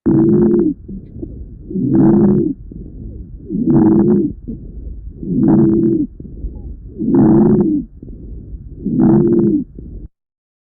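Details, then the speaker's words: Asthmatic patient at an allergy and asthma center, recorded with an Eko stethoscope: six loud breath sounds with musical, whistling wheezes over about ten seconds; wheezing. "so this was the recording of an echo you could hear clearly the Visas but not necessarily distinguish if there were inspiratory or expiratory visas"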